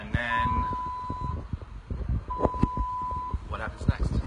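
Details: Two steady, long electronic tones about a second each, with room noise and talk behind: an IV infusion pump alarm during the patient's last IVIG treatment.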